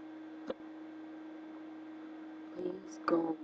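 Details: Person with ongoing hiccups at 3:30 in the morning, trying to sleep: two abrupt, brief gulping catches of breath against a steady electrical hum; hiccups.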